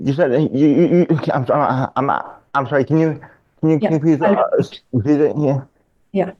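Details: Adult man diagnosed in childhood with dystonia, a neurological disorder affecting mobility, showing speech disfluency with frequent word and phrase repetitions.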